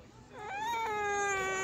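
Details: Crying: a young child's sustained, high-pitched wailing cry rising into a steady held note; the child reportedly wants to go back to the water.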